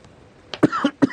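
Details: About three short, dry coughs from an adult in a small room. The adult had coronavirus and is now out of quarantine, with two negative tests but a lingering cough.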